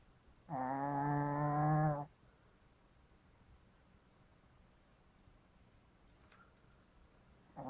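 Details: Snoring in Cookie, a 3-year-old Shih Tzu, during a nap (snores often, unusually loud this time): loud, buzzing, rumbling snore of about a second and a half, then quiet, another starting.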